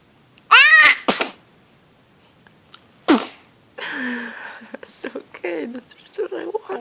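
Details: Loudest sneeze: two loud, sharp sneezes in a quiet room, followed by soft vocal sounds.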